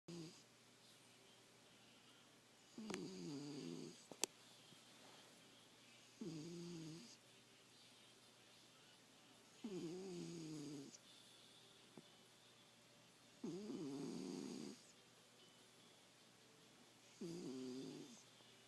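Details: A snoring cat: regular rattling snores on each breath in, about 17 a minute, in a quiet room; snoring.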